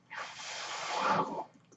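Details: The speaker's own mechanical ventilator is audible in the background while they talk on a podcast; mechanical ventilator breath sound.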